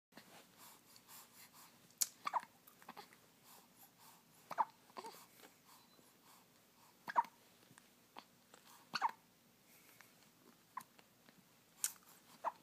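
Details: Newborn with hiccups: quiet, brief, repeated catches in breathing, roughly 20 to 25 a minute, one notably loud, with faint room noise.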